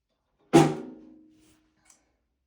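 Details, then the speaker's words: Finger percussion of the abdomen during an abdominal assessment: a single sharp tap gives a hollow, drum-like normal tympany, with only a little dullness over the gastric area. "And I'm listening. I'm just hearing um my temp tony. Really didn't hear any dness except for a little bit in that gastric area."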